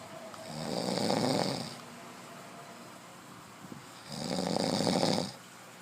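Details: Sleeping male, who had water put in his mouth, gives two long, loud, rattling snores on the in-breath, about one every four seconds, over quiet room noise; snoring.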